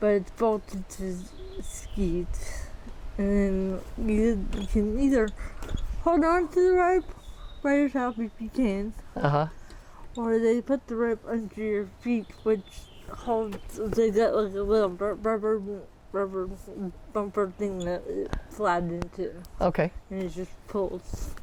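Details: 40-year-old woman with athetoid cerebral palsy, full-body involvement (quadriplegia), moderate to severe physical involvement, GMFCS level 3/4, uses power wheelchair; speech can be hard to understand; dysarthria (athetoid cerebral palsy).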